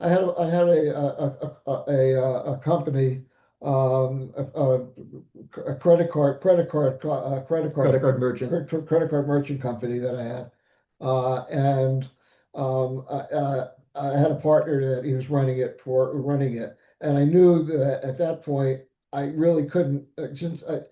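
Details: Adult man with aphasia after ischemic stroke complicated by ARDS; initially could not speak sensibly, read or recognise letters; nearly nine years on, still in weekly speech therapy; aphasia after stroke.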